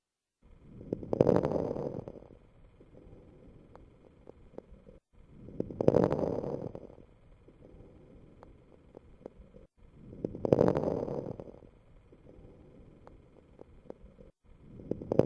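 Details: Coarse crackles on lung auscultation: brief popping crackles over about 13 breaths a minute.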